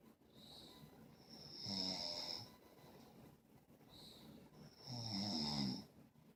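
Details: Two slow, rasping snores, each drawn in over about a second, with a soft airy whistle between: snoring during sleep.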